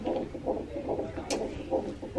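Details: Rapid whooshing pulses of a baby boy's heartbeat, about 140 a minute, on a hospital Doppler fetal monitor during labor. The monitor may also be tracking contractions the mother cannot feel; her waters are being checked.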